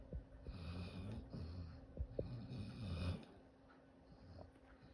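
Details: Sleeping dog snoring while dreaming: low rumbling snore with soft snorts and quiet breathing.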